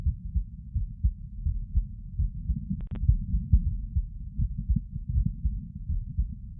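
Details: Heard while sitting: steady low muffled heart thumps with a soft hum underneath and one brief click; normal heart sounds.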